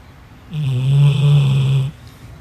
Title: dog snore~